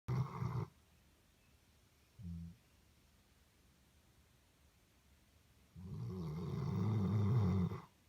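A sleeping dog gives low, rumbling snores on slow, uneven breaths, with a quiet room between them. Ordinary snoring.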